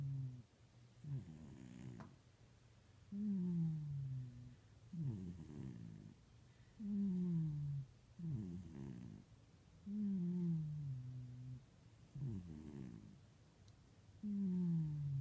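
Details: A sleeping 26 lb cat gives slow, rhythmic, low rumbling snores on each breath, about eight cycles a minute, with a whistling tone on the out-breath; snoring.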